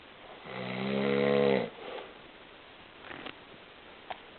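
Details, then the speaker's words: Dad, who snores a lot, recorded snoring: one loud, buzzy, rumbling snore lasting about a second, then quiet breathing and faint room noise. "I take um I'm taking a video of dad snoring"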